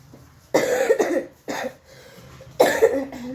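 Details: Adult woman with a severe cough, getting ready to go to the doctor: three forceful coughs, each an abrupt noisy burst, in a quiet small room.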